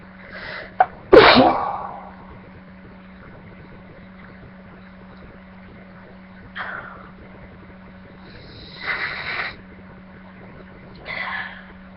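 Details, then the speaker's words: Person feeling very sneezy and reluctant to sneeze: a sharp inward catch, then a loud explosive sneeze, followed by softer breathy sounds and sniffs over a steady hum; sneeze. "guys, I'm gonna sneeze, like usual. It's just like, blah. Just Feels really weird."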